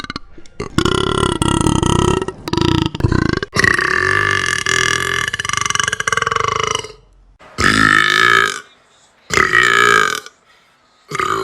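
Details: Young woman: a run of long, loud, rumbling voiced belches, several lasting seconds, separated by brief pauses; repeated burping.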